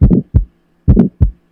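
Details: Aortic stenosis murmur.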